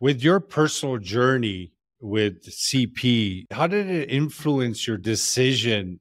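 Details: Adult male speaker; normal speech.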